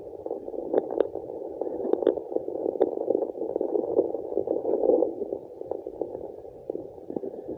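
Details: Placental blood flow sound on fetal Doppler.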